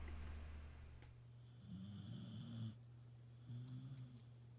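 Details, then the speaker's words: Sandy snoring while sleeping. "sleeping is one of the things sandy does a lot of there you'll hear some sandy snoring"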